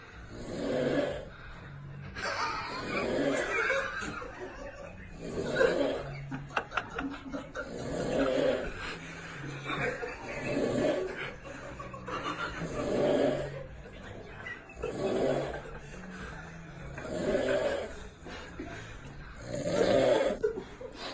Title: Funny snoring